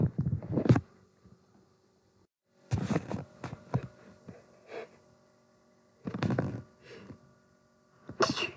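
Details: Repeated sneezing in clusters of short explosive bursts separated by pauses, from a person who may be becoming sick, with a faint steady hum in the room.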